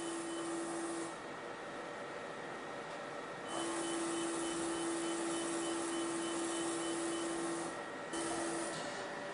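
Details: Fractional CO2 laser facial resurfacing for moderate photoaging in a 67-year-old non-smoking woman, under anaesthetic cream, 30 mJ, 300 points/cm²: steady fan hiss with a mid-pitched tone switching on and off in runs as the laser fires.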